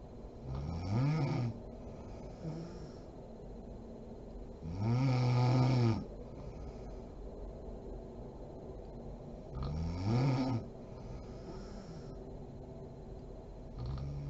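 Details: Low rattling snores on each breath in, about 13 a minute, from a sleeping adult woman (mom), with quiet breathing between, in a small quiet room; snoring.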